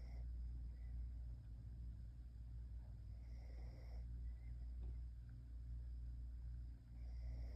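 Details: Animal named Harley sleeping with low, rumbling snoring in a loose breathing rhythm over a steady low background hum: snoring.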